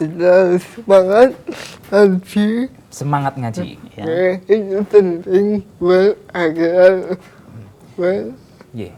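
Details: 22-year-old man with cerebral palsy whose therapy emphasized speech therapy; dysarthria in cerebral palsy.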